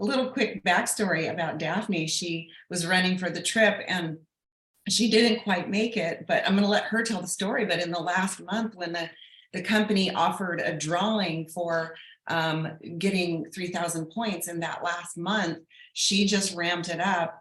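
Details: Adult woman speaking; Normal voice.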